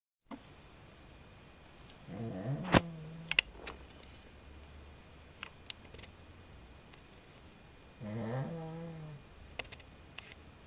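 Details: Pug dog asleep in his room, snoring loudly: two rattling, nasal snoring breaths about six seconds apart with quiet room noise between; snoring.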